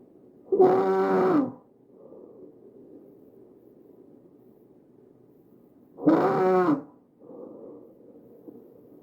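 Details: Tracheal stridor, shown visualized: two loud, harsh, high-pitched musical breath sounds with quiet phases between.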